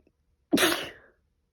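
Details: A single sudden, forceful morning sneeze with a sharp noisy burst fading over about half a second, attributed to pollen allergy.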